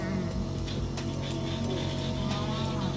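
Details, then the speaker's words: Steady low motor hum with rushing airflow as a suction machine builds pressure just before tracheostomy suctioning, in a nursing assistant return demonstration; suction machine running. "and then the pressure is going up okay now i'll start now suctioning the patient"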